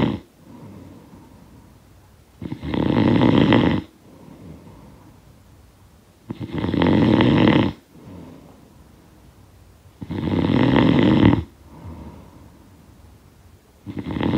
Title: Snoring Sound Effect